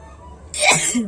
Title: Nose blowing challenge#vlog #viral #sneezing and nose blowing